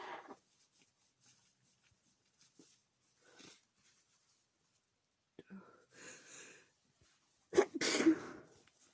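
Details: Female sneezing from nose tickle: soft sniffs and quiet breaths, then a sharp, explosive sneeze that breaks into a second burst; sneezing.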